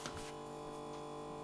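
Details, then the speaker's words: OMRON 5 Series upper-arm automatic blood pressure monitor: a button click, then the faint steady motor hum of the pump inflating the cuff. The cuff may have been placed improperly. "here's your um start stop button and that automatically begins inflating"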